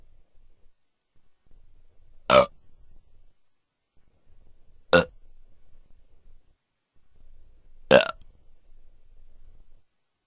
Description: BURRP! Excuse me. Where are my manners? These are the belches or burps sound effects collection.